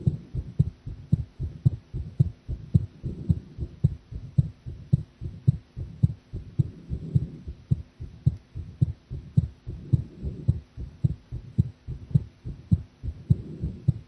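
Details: Adult heart sounds recorded during a live stream while drinking coffee: low thumping heartbeat at about 109 beats a minute, somewhat fast, mildly uneven spacing; the person felt it was unstable.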